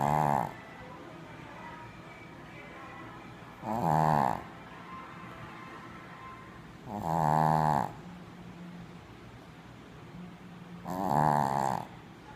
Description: Rocky aka Puppy snoring his booty off, he's tired lol